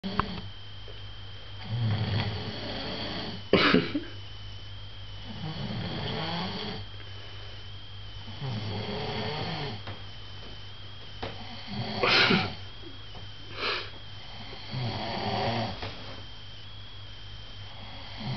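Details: Rough, irregular snoring breaths with a few sharp snorts over a steady whine and room noise; person snoring.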